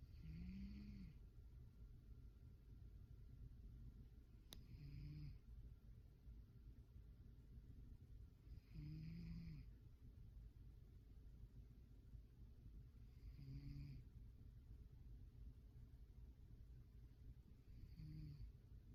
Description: Lazy snoring cat